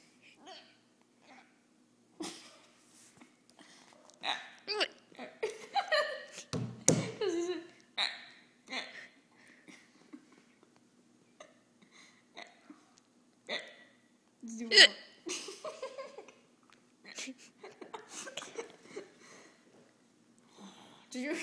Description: Kid making fake hiccups